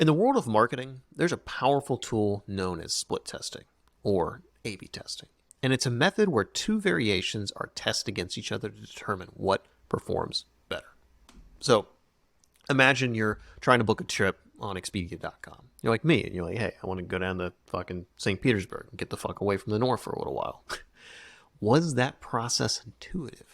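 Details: Adult male speaker; normal fluent speech.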